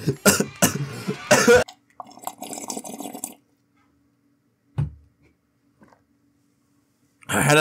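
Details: Person with a bad cough while attempting to play a trombone game: a run of about five forceful coughs, then muffled noises and silence. Repeated cough.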